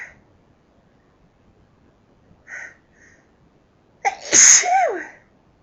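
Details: Two faint, half-stifled sneezes followed by one loud, full "achoo"; ordinary repeated sneezing in a quiet room.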